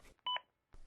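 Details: Short, clear electronic two-tone beep from a ZOLL AED Plus during training, its metronome prompt pacing chest compressions on the CPR landmark at correct rate and depth.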